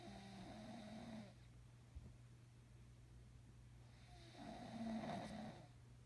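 Two rough, rattling snores on breathing in, with quiet between them and a steady low hum in the room.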